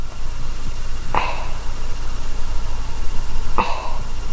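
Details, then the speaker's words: Knee crepitus: a sore knee crunching on repeated straightening and bending, then two sharp, brief cracks over low room rumble; the person says the crunch probably isn't a good sign. "But as I'm straightening it and bending it, I can hear it all crunch, which probably isn't a good sign."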